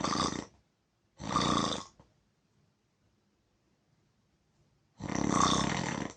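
Loud, harsh, rasping snores in bursts of under a second with silent pauses between. Heavy snoring.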